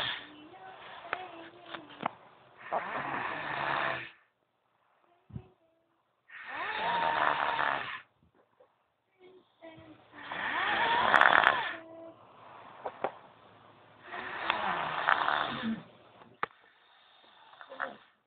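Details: Girl snoring loudly: heavy, harsh snores in long rasping bursts, about four in the clip, separated by quiet pauses.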